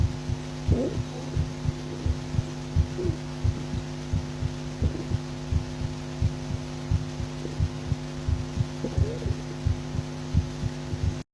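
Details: Steady, regular lub-dub heartbeat auscultated through a stethoscope at about 87 beats a minute, with normal heart sounds.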